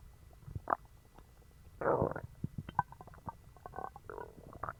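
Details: Stomach growling after eating dog treats, which caused a bellyache and loose bowels: irregular gurgling, bubbling and squelching rumbles from the belly; borborygmi.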